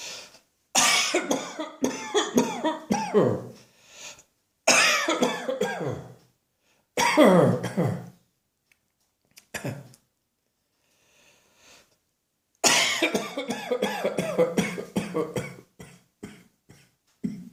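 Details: Adult's irritating dry cough brought on by a dusty atmosphere, with no chest infection at present: repeated fits of harsh, dry, hacking coughs with brief pauses between bouts.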